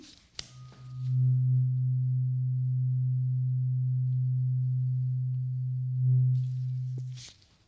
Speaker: So this is a tuning fork. It's going to make this sound. Okay, I want you to tell me when the sound stops.